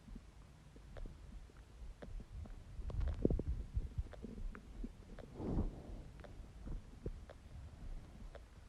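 Low irregular gurgles and rumbles with soft clicks, typical of an empty stomach growling; a normal gut sound.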